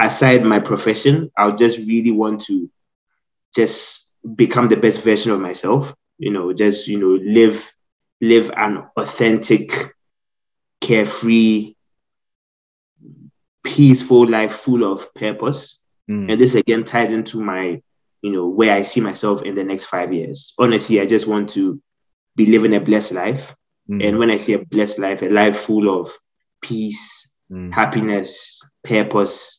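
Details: Stuttering since childhood in an adult man, severe while growing up, now managed after speech therapy; audible word repetitions.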